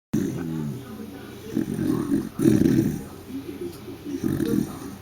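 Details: Irregular rumbling, snorting snoring breaths with a rough low buzz on several breaths.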